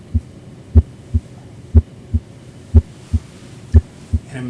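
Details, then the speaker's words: Cardiac exam of an adult male patient lying back, stethoscope at the left ventricular apical area: regular lub-dub at about 60 a minute with no extra sounds; normal first and second heart sounds. "and i'm going to listen in the four primary areas the aortic area or second right intercostal space the pulmonary era or second left intercostal space the tricuspid area or lower left sternal border the left ventricular apical area"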